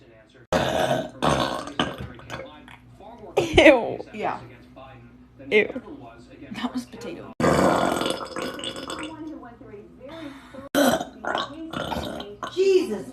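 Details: Compilation of several loud, drawn-out, rumbling throat belches with short pauses between them; repeated hot, gassy burping.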